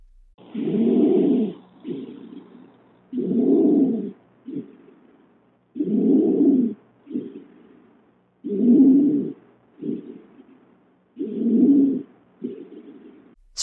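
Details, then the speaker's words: Real-life inspiratory stridor heard without a stethoscope: loud, harsh, high-pitched musical noise on each breath in, softer breath out, about 22 breaths a minute, a sign of airway obstruction. "quality it most commonly occurs during inspiration and the sound we have just heard was an inspiratory stridor without the use of a stethoscope"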